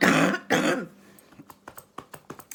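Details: Productive coughing fit.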